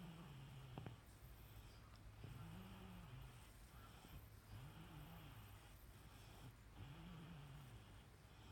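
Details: Woman snoring: soft, whistling, tonal snores rising and falling with each breath, about 26 a minute, over steady room hum.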